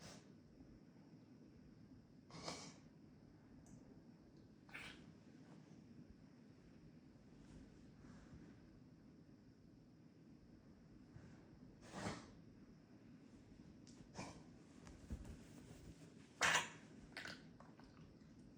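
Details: Several brief, sharp, snort-like coughs from a pet animal, spaced irregularly in a quiet room; the finding is cough.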